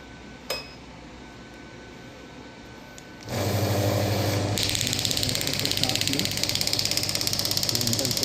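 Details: Biotronix radial (extracorporeal) pneumatic shockwave therapy device being demonstrated: loud rapid mechanical tapping, about 200 pulses per minute.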